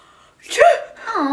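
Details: A single quick acted sneeze in a comedy skit: a sharp intake, then a burst, followed by the start of speech; one simulated sneeze.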